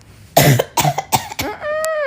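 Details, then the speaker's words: Woman's lingering cough after being sick a while ago, which she puts down to allergies and the changing season: a run of four dry coughs followed by a brief voiced sound. "This is the lingering This is just the last bit of cough. This is I'm not sick."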